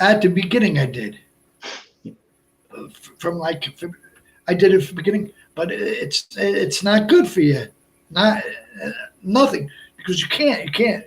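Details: Adult man, about 57, with Broca's aphasia since a stroke on March 22, 2011 at age 46, more than 8 years earlier; also a heart transplant recipient; limited speech with effortful word finding, verbs harder than nouns; Broca's aphasia.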